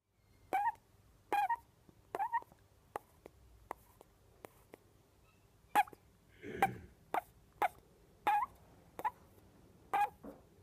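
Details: Orphan flying-fox, about 6 weeks old, hand-raised and healthy, making repeated short, high squeaky chirps with quiet pauses while asleep; squeaky snoring.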